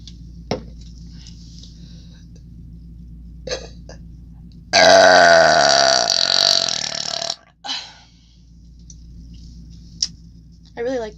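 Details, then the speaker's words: Woman burping after drinking a leftover beverage, recorded to test a new microphone: a single long, loud, voiced belch over two seconds in a quiet room, with small mouth noises around it. "so I figured I would drink the rest of this one that was leftover from my patreon video on here to test out my new and a mic for you guys hope you like it I think it makes the burp quality sound superb"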